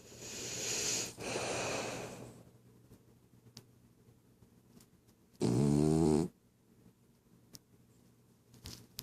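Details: Sleeping female pet dog: a hissing breath, then a single loud, buzzing snort-snore lasting about a second, with quiet between: snoring.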